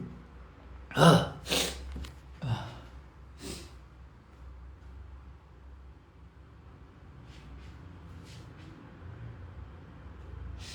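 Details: Male sneezing: several sharp, forceful bursts of air in quick succession, then quieter breathy sounds. A run of sneezes.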